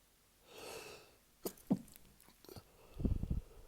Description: Didn’t want to weak her up and also a bit shy about long sneezing fits, luckily she didn’t notice!